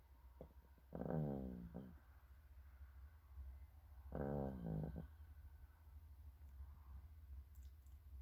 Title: Snoring chicken